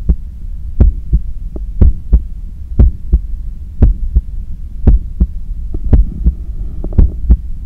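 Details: Strong, loud paired heart thumps with a throbbing hum, about 58 to 60 a minute, recorded at the neck with a visible neck pulse while cooling down after a 10 km run; normal heart sounds recovering after exercise.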